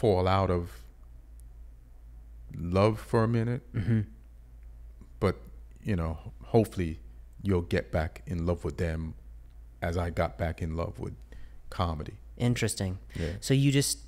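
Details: Adult male speaker; typical speech.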